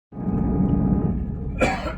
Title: Mature Male Smoker Coughing in Train (1)